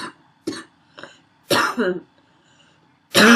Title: Wheezy barking cough(f)